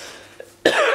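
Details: A 31-year-old, sick for a couple of days with what a doctor said was a viral infection: after a brief quiet stretch, one loud, harsh chesty cough burst, cut off at the end.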